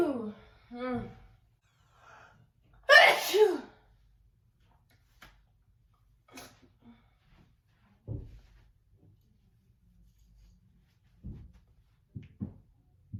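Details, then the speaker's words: One loud, explosive sneeze after brief vocal sounds from a woman in a standing, back-bending sneeze recording, followed by quiet breaths and small murmurs. "they requested a video with me in the dress and i'm going to be sneezing at this angle and it's going to be like i chew and then they want me to announce my sneezes"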